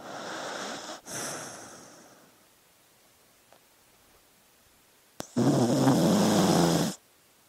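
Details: Sleeping dog's noisy breathing: a rasping breath, a quiet pause, then a louder fluttering snore; ordinary snoring in sleep.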